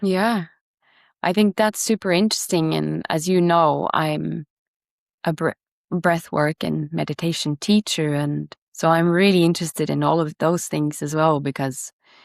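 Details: Adult speaker; typical speech.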